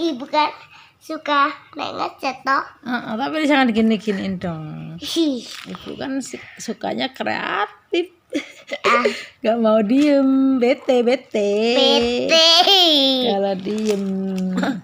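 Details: Young child; ordinary child speech.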